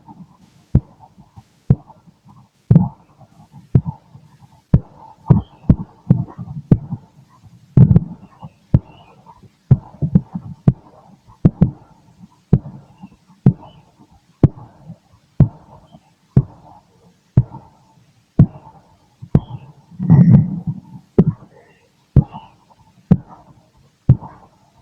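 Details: Adult male listening to his own chest by stethoscope late at night: steady regular heartbeat about 62/min with occasional soft stomach gurgles in background; normal heart sounds.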